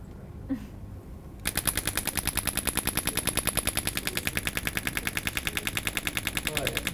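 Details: Dolorclast radial shockwave therapy applied by a sports chiropractor to a patient's Achilles tendinopathy: after a brief quiet start, a rapid, very regular train of loud clacking pulses, about eleven per second; handpiece firing.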